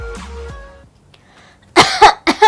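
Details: Acted voluntary cough: a demonstration of a 'flirtatious cough' in a video explaining types of cough.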